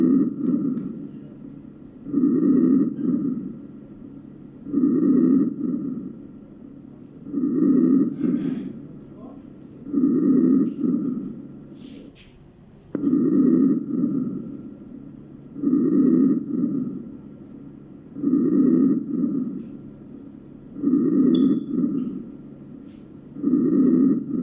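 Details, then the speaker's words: Normal vesicular breath sounds on a skills-lab heart and lung sound manikin: soft, low, rustling breaths repeating evenly about 22 times a minute. "الآن سنسمع إلى normal vesicular breathing or"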